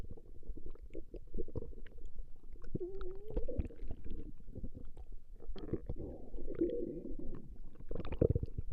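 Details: Woman's stomach growling from a 20-minute recording: continuous low gurgling and rumbling with bubbly squeaks; ordinary borborygmi.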